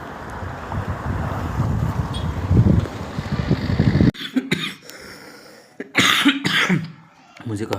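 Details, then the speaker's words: Man coughing outdoors; he says the cough is worse when lying down to sleep. "ज्यादा खांसी आ रहा है। हां खांसी आ रहा है मुझे।"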